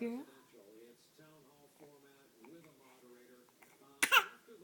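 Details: An infant babbles in soft, sing-song sounds while "telling" her mother about her bad cough, then gives one sharp, loud cough near the end.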